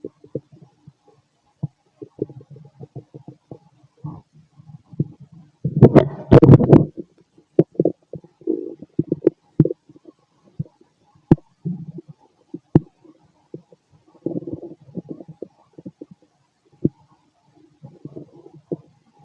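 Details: Fit male after a bowel movement: frequent soft gurgles and clicks with a louder burst of rumbling; normal active bowel sounds (borborygmi).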